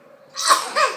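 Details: A young boy gives one short, sharp cough ending in a brief voiced sound, as his father says bless you.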